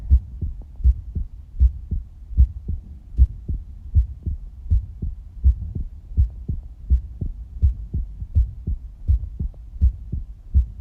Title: Visible Heartbeat (With Heartbeat Sounds)